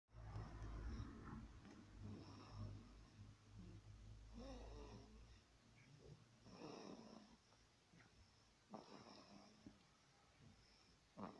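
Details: A sleeper's irregular, rattling snores, with brief whistling and snorting sounds between breaths: snoring.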